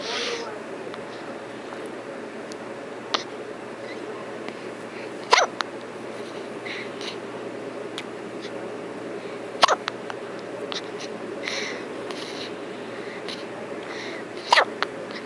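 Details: Hiccups: sharp, brief gulping clicks recurring every few seconds over steady room hiss.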